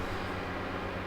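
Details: Endoscopic microsuction removing stubborn, dry ear wax that was first softened with oil: a steady, low rushing hum of suction in the ear canal.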